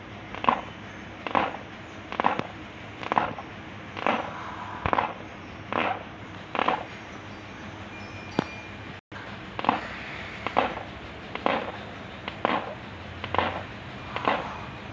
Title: Teeth grinding in animal due to abdominal pain